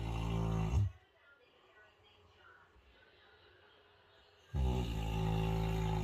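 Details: Snoring while knocked out: deep, heavy, low-pitched rumbling snores separated by a long quiet pause.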